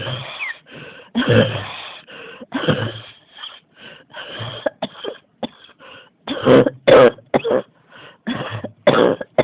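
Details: A person with a cough that won't stop, coughing repeatedly: persistent cough.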